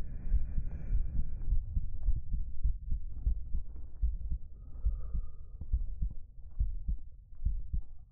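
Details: Soft, steady low thumps at about 68 beats a minute with faint fabric rustling, recorded close up with a 3Dio binaural microphone during a hugging comfort roleplay: a normal-sounding heartbeat.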